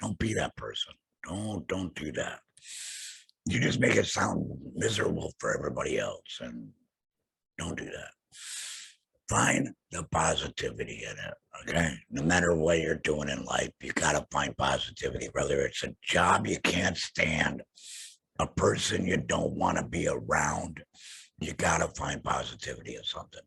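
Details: Adult male laryngectomee after throat cancer, vocal cords removed; alaryngeal speech after total laryngectomy.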